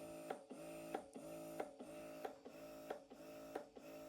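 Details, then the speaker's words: Rhythmic motor hum broken by regular clicks, about 92 cycles a minute: a Bellababy electric breast pump running in its first (massage) mode at level 6, recorded close up. "Okay, ആദ്യത്തെ മോഡിൽ level 6 നമുക്ക് കിട്ടും. Okay, ഇതാണ് sound."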